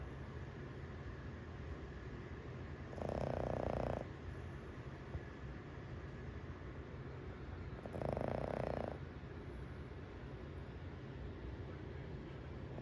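Two loud, roughly one-second rattling snores about five seconds apart over steady low room hum, consistent with snoring.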